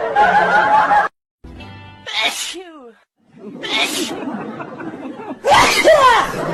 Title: Cute baby sneezing laugh #Shorts